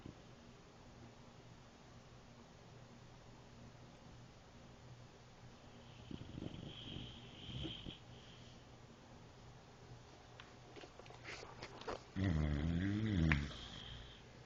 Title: My German boxer "Chopper" snoring...Turn up volume.